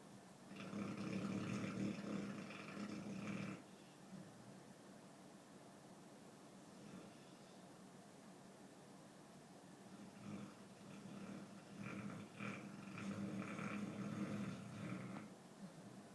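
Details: American Staffordshire Terrier dog sound asleep in a suitcase of spare coats, snoring like an old man: low, rough snoring bursts lasting a few seconds, separated by quieter pauses, over steady background hiss.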